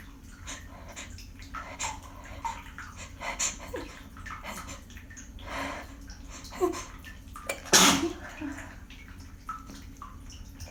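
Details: Quiet breathy build-up to one sharp, loud sneeze after holding back sneezes, in a small room with running water in the background.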